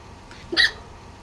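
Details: A woman with the hiccups gives a single abrupt, voiced hiccup while talking, over light room noise.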